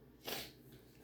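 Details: Snoring from Lariquinha, a resting rescue dog.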